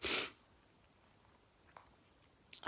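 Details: One loud, sharp sneeze burst, then quiet room noise with a faint sniff, during a sneezing bout that started again indoors despite an air cleaner; the sneezer suspects tiredness.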